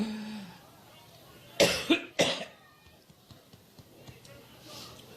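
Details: Adult woman speaking on stage at a rally, coughing repeatedly while trying to give a speech; three harsh cough bursts in quick succession, then quiet room noise.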